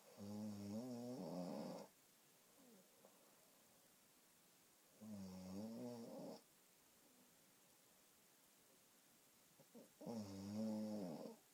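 Quiet buzzing, tonal snores about every five seconds, roughly 12 a minute, with hiss between them; ordinary snoring.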